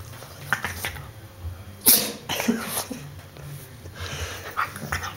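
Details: A pet dog in a quiet room gives one sharp, forceful sneeze among several smaller snorting nasal bursts, repeated sneezing.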